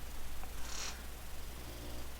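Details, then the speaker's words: Pet beagle dog snoring near the owner during a recording. "I have a strange feeling right now you can hear her snoring that's that's not a person that's that's actually June bug"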